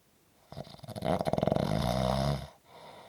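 A loud, rattling snore builds on one long breath in, with a fluttering vibration, then fades to quiet breathing.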